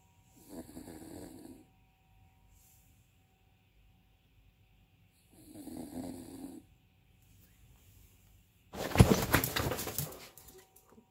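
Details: Dog that keeps snoring even after waking: two rattling snore sounds a few seconds apart, then a louder noisy burst of movement; snoring.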